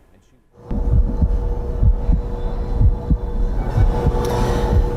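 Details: Normal heartbeat.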